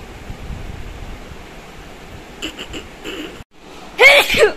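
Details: One loud, explosive, uncovered messy sneeze at the end, after steady background noise and a few soft sharp sounds; sneezing.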